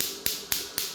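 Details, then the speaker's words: Chattanooga shockwave therapy device demonstrated in a clinic office, fired at the push of a button without gel: sharp, evenly spaced clicks about four times a second over a steady hiss as the wand fires and the fan cuts on. "and then you would just come here push the button you can hear it engaging"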